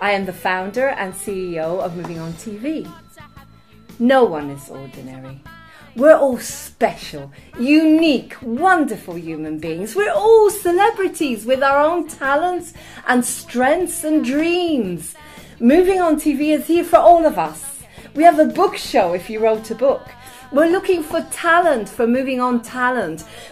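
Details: Adult woman speaking; ordinary speech.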